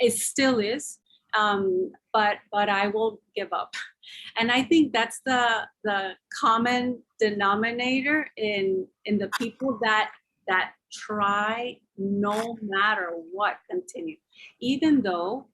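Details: Aphasia in an adult man since a stroke about 3 years earlier, slowly improving, attending six therapy sessions a week.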